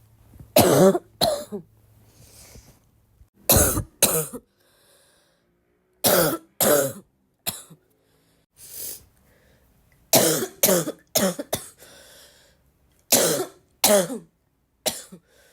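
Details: Repeated bouts of dry, harsh coughing from an adult, mostly in pairs, about a dozen coughs with short pauses; person says the more they cough, the more they feel like coughing.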